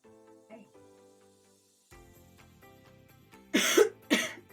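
Two sharp, loud coughs from an adult woman over quiet background music.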